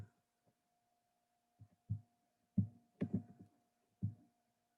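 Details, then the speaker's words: Fetal heartbeat of a pregnant woman's baby on Doppler, described as fast: soft, muffled low thumps with steady electrical hum behind; fetal heartbeat. "so just for you viewers we've got a little clip of that baby's heartbeat it's just coming now"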